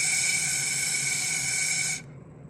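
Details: Correct /s/ production elicited with the straw technique, used for clients with interdental or lateral lisp: teeth together, smiling, straw held against the front teeth, air blown through to produce the /s/.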